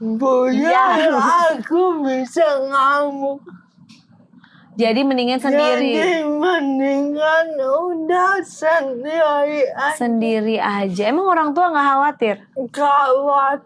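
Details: Dysarthria in an adult woman with cerebral palsy, a motor disorder limiting gross and fine motor skills.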